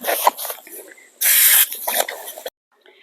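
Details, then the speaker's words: Short hissing spray bursts with rustling and handling noise as screw worm spray is applied to a shaved, flushed, cleaned abscess wound on an adult Baby Doll Southdown sheep, tested negative for caseous lymphadenitis. "now I'm going to spray doesn't really like the spray let's be honest here"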